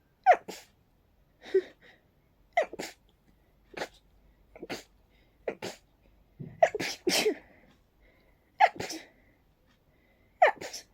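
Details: Person with pollen-triggered sneezing, barely able to catch their breath: about ten sharp sneezes in rapid succession, roughly one per second with barely a breath between; a sneezing fit.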